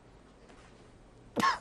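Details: Adult male news correspondent live on air gives a single sharp, harsh cough after a quiet stretch of faint room noise, interrupting his answer: a coughing bout.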